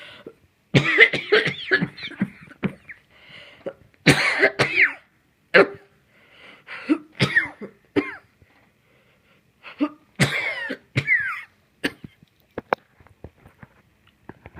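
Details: Adult with an ongoing wheezy cough, coughing in several bouts with a whistling, wheezy tail after some coughs; wheezy cough.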